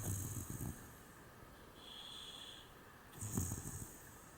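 Two rough, snorting snores about three seconds apart over steady background hiss; a pig snoring.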